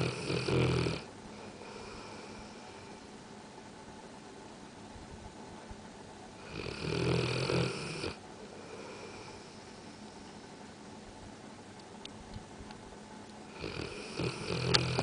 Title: Bullmastiff "Ajay" Snoring